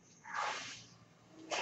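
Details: A soft rushing hiss of air rises and fades, then another puff begins: a breath from a mechanical ventilator that the speaker identifies as his own.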